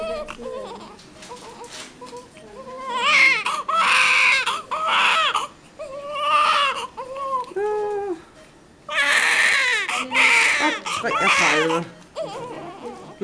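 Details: Baby boy only a few minutes old: loud, high-pitched crying in repeated bursts with breaths and whimpers between; newborn cry.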